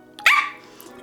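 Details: Vocal tic, a short bark-like sound, interrupting the speech of a 27-year-old woman with Tourette syndrome diagnosed at age 12.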